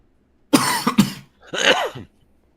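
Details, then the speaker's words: Cough from a person who reports a week of cough and congestion and describes it as a sticky cough. Two quick harsh coughs are followed by a longer throaty, congested cough. "I've had this like cough and congestion for like a week now."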